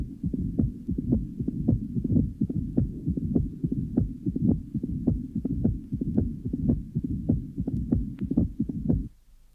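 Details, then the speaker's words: 1966 teaching heart recording: loud first heart sound varying in intensity, loud opening snap after the second sound, then a rumbling murmur filling diastole, played at half speed then normal rate; abnormal heart murmur. "the first heart son is loud and varies in intensity a loud opening snap is heard following the second heart sound and then a rumbling murmur which fills diast"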